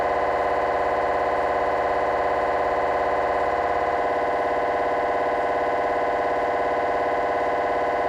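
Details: Scanner noise from a GE 3T MRI of the petrous bone (Felsenbein): a loud, steady, rapid buzzing pulse at about 200 per minute, typical of a T1 fast spin echo sequence.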